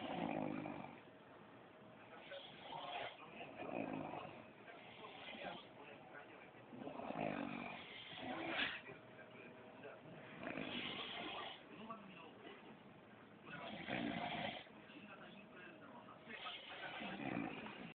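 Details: Snoring recorded on a mobile phone: rough, fluttering snores recurring every few seconds over steady room hum.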